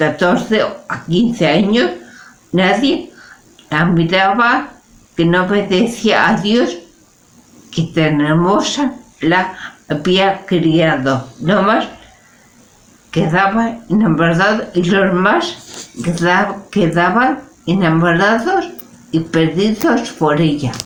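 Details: Person with aphasia reading Spanish text aloud in a prerecorded reading; halting speech with repeated and distorted word attempts; aphasia.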